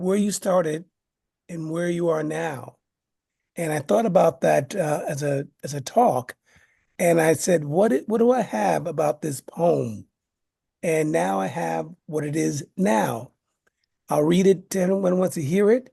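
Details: Man living with aphasia after a stroke, introducing his poem at an aphasia conference; aphasia.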